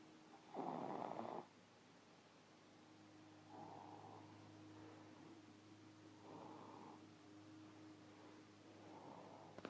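Rough, rattling breath sounds recurring every few seconds, one loud then softer ones, over a steady room hum; snoring.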